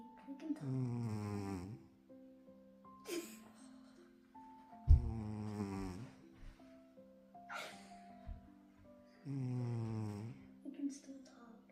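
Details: Cat in deep sleep snoring hard: three loud, rattling snores roughly every four seconds, with background music playing throughout; snoring.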